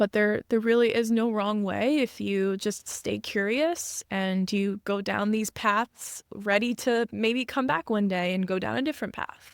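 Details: Adult woman; fluent speech.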